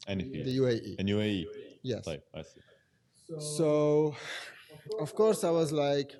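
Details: Adult man who has stuttered since age five or six, with blocks, lip and tongue tension, word repetitions and fillers; now controlled with pull-out and preparatory-set techniques learned in therapy in Germany; stuttering.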